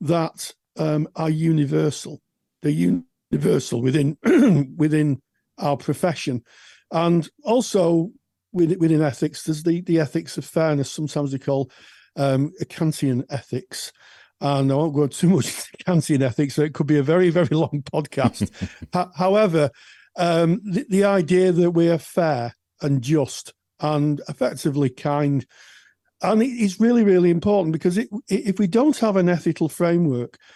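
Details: Adult speaker; typical adult speech.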